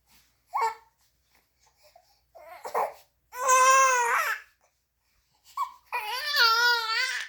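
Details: Baby girl with hiccups, screaming: short bursts of high-pitched, wavering infant crying with pauses between them, about 21 cries a minute.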